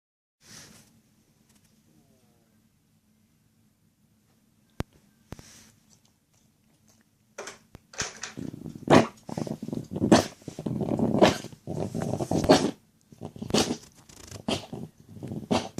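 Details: Dog that is not feeling well: a run of wet, gurgling cough bursts after several seconds of near silence; wet gurgling cough.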